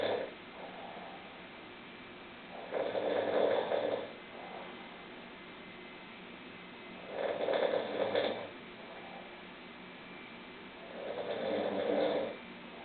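Three rough, rattling snores spaced about four seconds apart, roughly 14 a minute, over steady room hiss: snoring.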